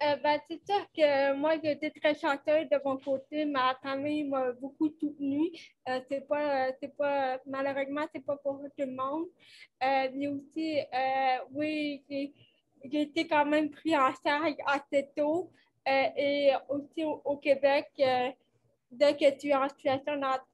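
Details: 29-year-old woman with cerebral palsy caused by lack of oxygen at birth, who says her speech is affected, speaking French; dysarthria (cerebral palsy).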